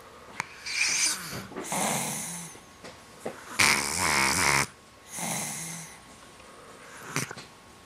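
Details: Loud snoring in a sleeping male dog with a cold: repeated noisy, rattling snores with wheezy, whistling breaths and a few sharp snorts, in irregular cycles.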